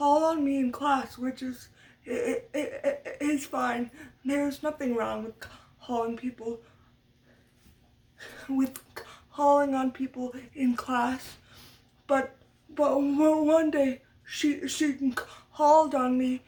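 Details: Adult woman with lifelong stuttering from muscle tightness due to cerebral palsy after brain damage as a baby; had speech therapy from a young age through high school and uses techniques to minimize it; stuttering.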